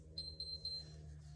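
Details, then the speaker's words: Three short high beeps over a low room hum as an enteral feeding pump powers on for a girl born without a jaw, set to 130 ml volume at 200 ml per hour. "and then I turn on her pump so that's gonna say on and then the volume is at 130 milliliters"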